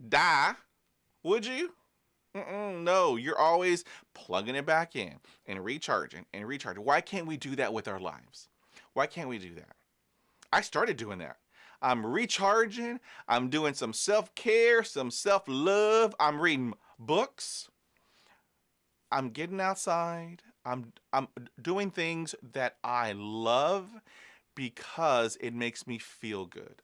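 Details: Adult man who is a person who stutters; he says stress and exhaustion make his stuttering worse; stuttering.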